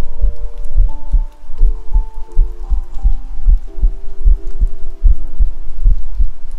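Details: Own heartbeat recorded with a 3Dio binaural microphone for ASMR: regular soft low thumps at about 76 beats a minute under a faint steady hum; normal heartbeat.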